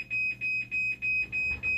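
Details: Dialysis machine after recalibration, retested for a failing blood leak check: repeating high-pitched electronic alarm, five on-off pulses, signalling a blood leak alarm.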